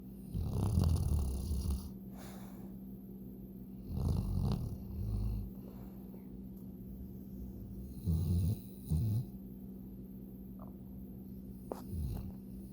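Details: Ollie, a dog, snoring: low rumbling snores with quiet gaps, about 16 breaths a minute, over a steady background hum; ordinary sleep snoring.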